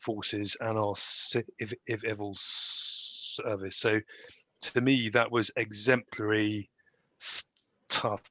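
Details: Adult graduate who stammers and tried to hide the stammer in job interviews; real, unscripted speech; stammering.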